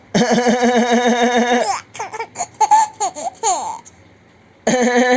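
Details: Young child imitating her father's cough while laughing: bubbling laughter broken by short playful cough-like bursts; imitated cough, not an illness cough.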